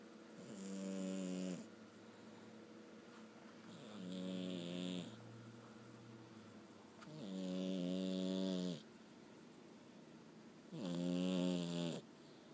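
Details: Female cat snoring while sleeping: buzzy, droning snores on each in-breath, about 18 breaths a minute, with quiet pauses between.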